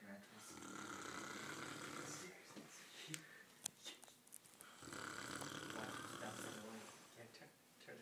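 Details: Loud, rough snoring during sleep: about two long rattling snores with quieter breathing between, in a small room.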